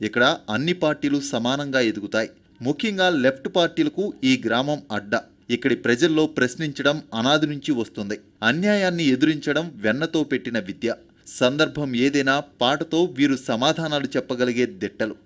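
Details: Adult male narrator; fluent speech.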